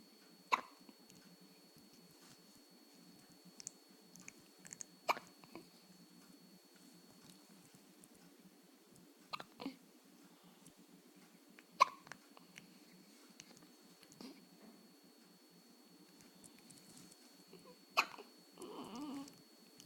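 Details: Sharp, brief hiccup catches recurring irregularly, about six over twenty seconds, in a quiet room with a faint steady hum; hiccups.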